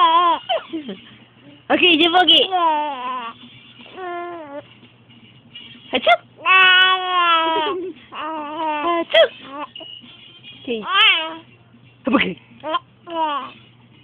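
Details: Infant laughing with hiccups while playing with parents: repeated high, gliding vocal bursts and squeals broken by brief abrupt hiccup catches.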